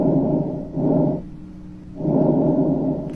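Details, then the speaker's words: Stethoscope auscultation of healthy lungs during a pneumonia-themed health segment: soft, smooth airflow in two even breaths; normal breath sounds. "te enseño cómo se escuchan los pulmones así se escuchan los pulmones"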